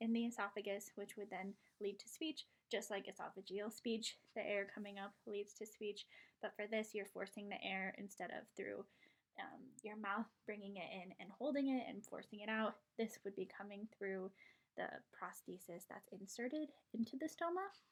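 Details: Adult female speaker; normal speech.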